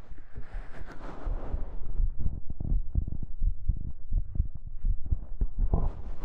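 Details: ASMR binaural (3DIO) recording: soft, muffled low heartbeat thumps under fabric rustling during a hug; heartbeat.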